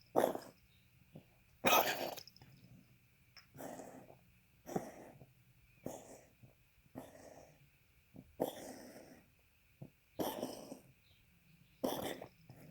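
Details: Dog's congested cough: about nine harsh, noisy, moist coughs in a row.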